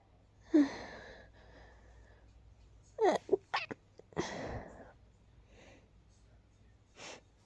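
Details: Sneezes from a tickle just before falling asleep, not rapid this time: several short, sharp airy bursts in a quiet room with soft breaths between.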